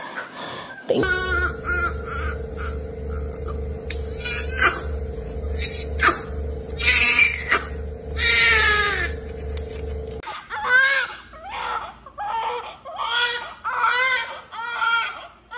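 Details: Thin, high newborn cries over steady machine hum in a delivery room just after a normal delivery (clear amniotic fluid, large baby, born 6:32 a.m.), then stronger rhythmic wails; a vigorous first cry at birth.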